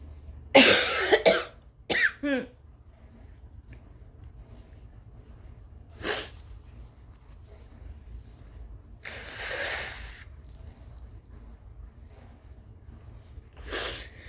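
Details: Adult sick with a suspected 24-hour stomach bug or flu, with fever felt to be at least 101 and vomiting twice, coughing uncovered: a harsh burst of several coughs, then a few spaced single coughs in a quiet room.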